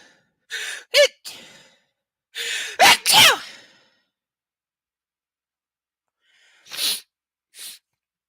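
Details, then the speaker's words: Adult sneezing during a live reading: several loud sneezes in quick succession, each preceded by a short, sharp in-breath. "did anyone hear that did you hear the glass because I sneezed so loud it made a ping sound"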